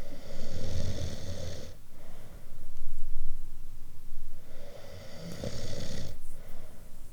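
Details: Loud, rattling snores on each in-breath with quieter out-breaths between; ordinary heavy snoring, one of different snoring types.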